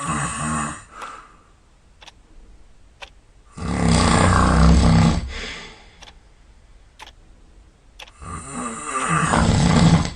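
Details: Sleeper sound asleep and snoring all night: loud, deep, rattling snores on each in-breath about three seconds apart, with quiet pauses and faint ticking between; snoring.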